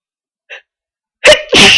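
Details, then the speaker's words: Person sneezing repeatedly: a brief sharp inhaled catch, then a loud explosive burst of air through the nose and mouth, a single sneeze within a run of sneezes. "Sneeze again. Phew. Oh. I'm gonna. Uh, I'm gonna sneeze"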